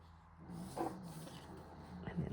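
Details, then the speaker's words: Snoring from a small pet dog asleep in the background: low, rumbling, growl-like noises with a couple of louder snorting bursts over quiet room noise. "Oh, can you hear my little boy just snoring in the background? He's been snoring since I've done this video."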